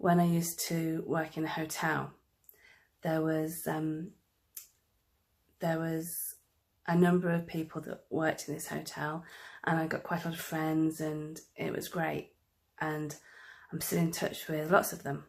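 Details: Adult woman who stammers, recorded for National Stammering Awareness Day 2019; stammering.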